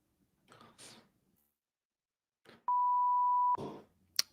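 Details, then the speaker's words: Adult sneezes once during a live-streamed trading session: a short, breathy sneeze followed by a steady electronic alert beep and a brief noisy burst. "excuse me I sneezed I didn't hear it I did a I didn't even hear it because I was sneezing"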